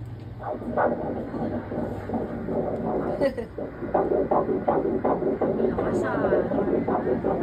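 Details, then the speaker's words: Rapid whooshing pulses from an ultrasound probe, 164 beats a minute, a normal fetal heart rate, slightly fast because the active, moving fetus, during a congenital anomaly scan after a normal four-chamber heart view. "so 164 bit so dahil malikot siya medyo mabilis ng onti likot niya ayan active"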